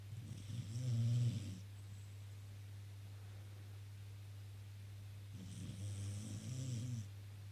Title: Tilly snoring away